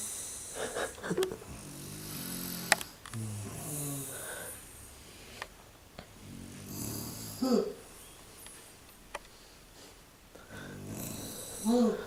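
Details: Mother's unusual snoring: irregular, varied snores, some low and rattling, others with whistling or squeaky pitches, over room noise.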